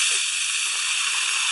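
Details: Steady high hiss with water spray from an ultrasonic dental scaler used with multidirectional strokes to remove calculus from the crown toward the apex.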